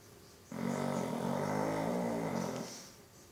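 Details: Sleeping Chow Chow dog: one long, loud, rattling inward snore lasting about two seconds; snoring.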